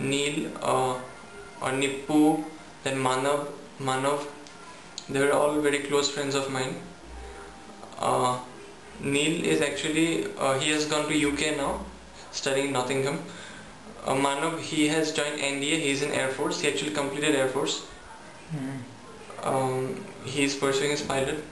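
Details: Young adult male student recorded before stammering therapy; repetitions and hesitations audible; stuttering.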